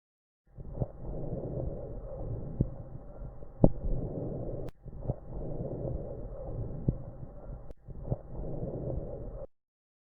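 Soft, low rushing breath sounds through a stethoscope with no wheeze or crackles: normal lung sounds.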